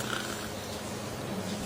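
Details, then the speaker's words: Sedated patient in a sleep-induced state on infusion during airway endoscopy, upper airway obstruction without laryngeal obstruction: very loud, continuous low fluttering snoring; classical obstructive sleep apnoea. "So this is a classical case of obstructive sleep apnea. You can hear the sound of snoring. You see this is the way he is snoring. He is snoring."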